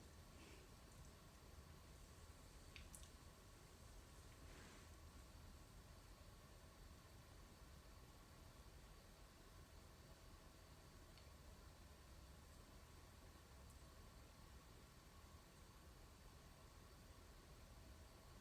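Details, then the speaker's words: Stethoscope over the right lower quadrant of a male patient with a flat, symmetrical abdomen: quiet hiss with a few soft gurgles and squishy clicks, normoactive bowel sounds. "Patient's bowel sounds are normoactive with an appropriate amount of gurgles and squeaks."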